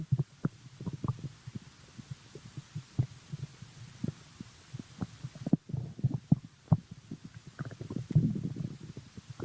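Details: Growling stomach sound; bowel sounds (borborygmi).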